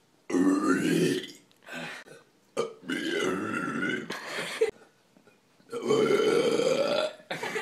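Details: Several long, loud, voiced burps with short gaps between them; belching.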